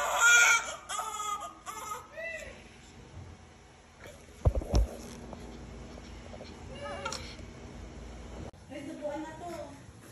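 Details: Several short, high-pitched newborn cries amid staff talk and room noise: a baby's first cries right after a normal vaginal delivery at 6:32 a.m., clear amniotic fluid, large baby.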